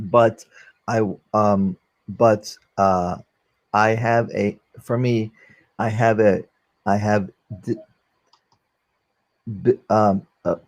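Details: Aphasia after a stroke during valve surgery in a 44-year-old man, a former paramedic, now unable to use one arm; difficulty communicating; finding: aphasia.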